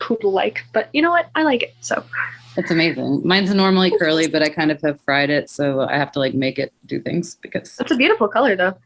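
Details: Adult woman speaking; no speech disorder.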